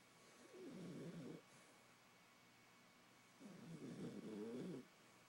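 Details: A female beagle asleep gives two long, low, fluttering, rattly snores on breathing in, with quiet pauses between; snoring.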